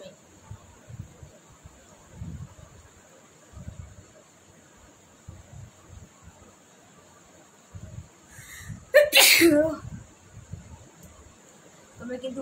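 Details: Sneezing challenge: quiet breathing and soft sounds, then one loud, sharp sneeze partway through, an ordinary single sneeze.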